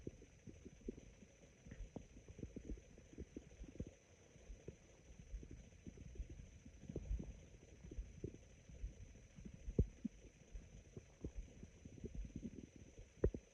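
Low, irregular gurgles and raspy rumbles from the belly against a steady background hum; ordinary stomach growling.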